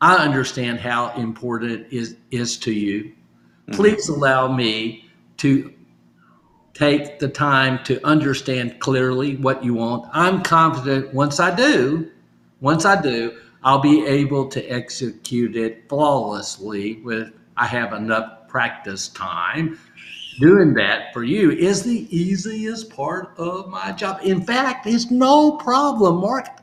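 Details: Adult male stroke survivor speaking; aphasia.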